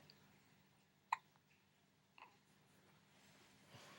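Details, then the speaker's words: Baby boy with hiccups while looking at a light: two sharp, brief hiccup catches about a second apart in a quiet room. "they don't want the hiccups anymore okay it's okay they're just hiccups they're just hiccups"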